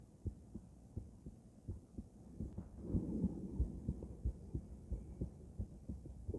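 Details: Female heart auscultated with several different stethoscopes via microphone, moving Erb's point, mitral, tricuspid, aortic, then pulmonic; regular paired heartbeats about 90/min with some rubbing noise; normal heart sounds.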